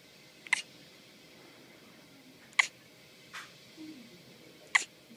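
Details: Asher, a 3-day-old newborn born at 28 weeks gestation weighing 2 lb 12 oz: three short, sharp hiccups about two seconds apart with a softer sound between, in a quiet room; hiccups.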